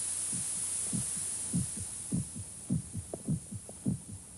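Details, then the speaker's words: Steady low thumping heartbeat, about 100 a minute, over a faint hiss, heard in a soundproofed room designed to study the ear's sensitivity; an ordinary heartbeat. "Protected from outside noise, one can hear things he never heard before. The sound of air molecules beating against the eard drums. The sound of the heart pounding against the ribs."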